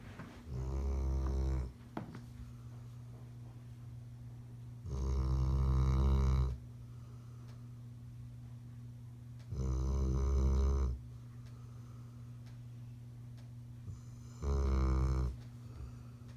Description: Hound dog snoring